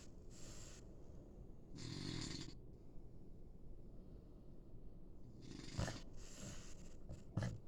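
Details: Snoring.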